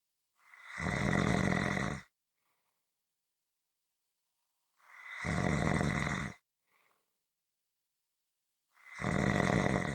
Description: This is a 15-minute audio clip of Snoring.